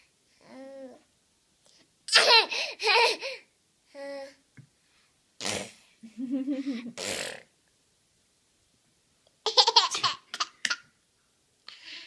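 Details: A young child sneezing while eating and spitting food: several short, sharp voiced bursts of breath mixed with laughing and babble. Sneezes.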